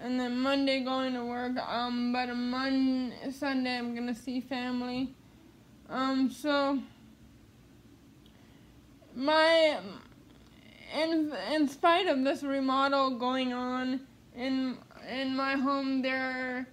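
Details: Speech in an adult woman with cerebral palsy who attends speech therapy; no specific speech disorder named.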